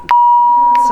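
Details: Single steady high-pitched beep from a combined paediatric/adult defibrillator alarm during a pacing-mode demonstration, leads read on lead II; brief voices at edges.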